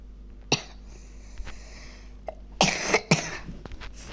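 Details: Child with a cough while playing online chess: short coughing bursts, one early and two close together near the end, in a quiet room, a cough.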